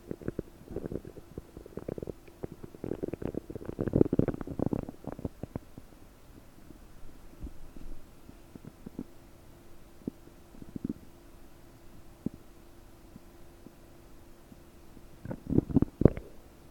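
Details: About 9 hours after eating 30 prunes, recorded with a desktop microphone, bloated: bursts of bubbly gurgling and popping with quieter stretches, loud gurgle at end; loud bowel sounds (borborygmi).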